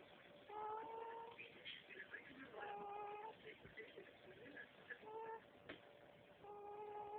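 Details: Newborn son a few days old, sleeping, makes repeated squeaky, whistling snore-like noises each breath, parent unsure if snoring; infant snoring.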